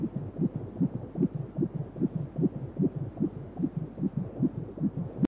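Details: Fast, regular whooshing pulses at about 150 a minute: a fetal heartbeat at 29 weeks of pregnancy, picked up during a 3D/4D ultrasound baby scan, within the usual fetal range.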